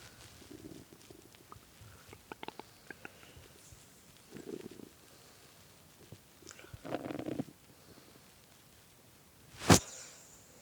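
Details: Hunger stomach growling of an adult male partner, heard by the listener lying on his stomach while he plays a game: quiet soft gurgles and short rumbles with faint clicks, ending in a loud knock.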